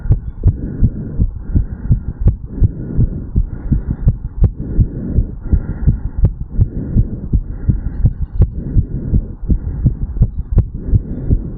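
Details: Heartbeat of a 35-year-old male after an afternoon walk/sprint, recorded over the mitral (bicuspid) valve area.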